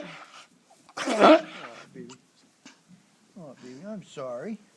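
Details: A sheep gives one loud, harsh, explosive cough, followed by a few faint sounds and then wavering bleats: a sheep cough.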